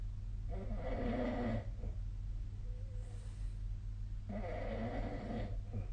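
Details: Sleep snoring recorded 2025/02/02: two rough, rattling snores on breathing in over low steady room hum.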